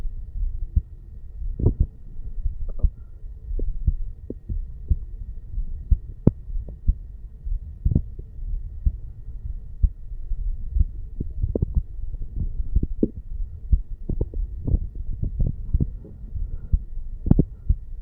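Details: 35-year-old male sitting on stairs, recorded over the mitral (bicuspid) area: soft, low heart thumps with a faint steady hum behind them; normal heart sounds.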